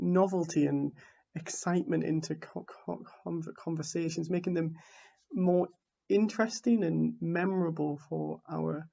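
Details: Adult man from the UK who identifies as a person who stammers; stuttering.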